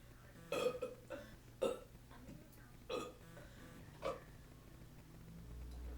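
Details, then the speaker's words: Burping contest between two people: four short voiced belches in about four seconds over quiet room noise; repeated voluntary burping. "hey hi let's have a burping competion"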